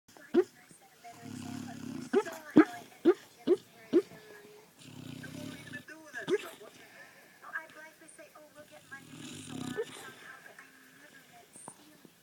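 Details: Shar Pei dog snoring while dreaming: soft rumbling snores with short yips and whimpers between them.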